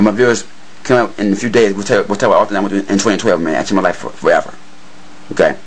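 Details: Adult man who says he has stuttered his whole life and claims he no longer stutters; his speech still shows some word repetitions; stuttering.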